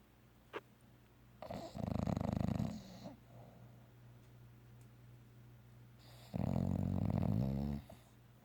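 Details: Bulldog snoring and dreaming during an afternoon nap: two long, loud, fluttering, rasping snores with soft breathing between, over low room hum.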